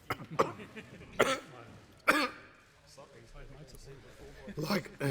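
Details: Adult male politician's coughing fit during a parliamentary speech, starting 15 minutes into it: repeated short coughs with throat clearing and strained attempts at speech, temporarily losing his voice; he was later tested for Covid-19.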